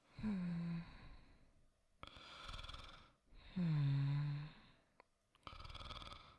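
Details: Soft acted snoring by a voice actor: low droning snores on the in-breath, each followed by an airy out-breath, about every 3.5 seconds; simulated snoring.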